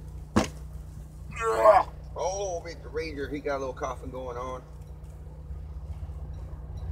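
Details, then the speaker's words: Dog with suspected, not yet diagnosed, kennel cough: a harsh hacking cough, then honking, gagging sounds as if trying to bring something up. "what you heard there that's the signs of kennel cough"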